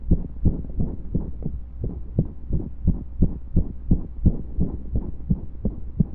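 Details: Heartbeat recorded during pressure and breath holds: strong, low beats at roughly 85 a minute, slightly uneven, consistent with occasional skipped beats.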